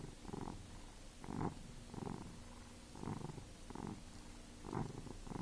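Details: Small pet snoring in sleep: low, rattling breath sounds repeating in a steady rhythm over quiet background hiss.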